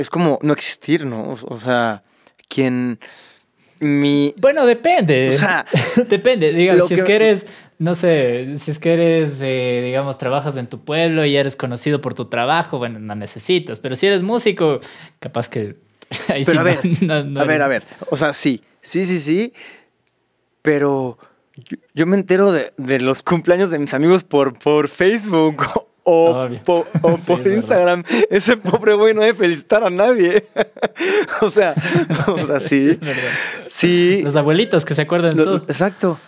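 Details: Mexican male singer who has stuttered since early childhood, cannot remember speaking without getting stuck, and reports not stuttering when singing; stuttering.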